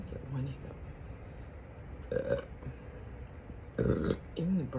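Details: Big burps at night: several low, rumbling belches in a quiet room; burping.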